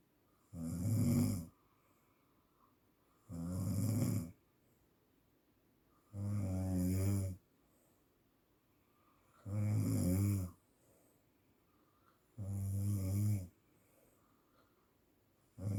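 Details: Person snoring during sleep, in a clip about therapy for sleep apnea: loud, regular snores, about 20 per minute, in a quiet room.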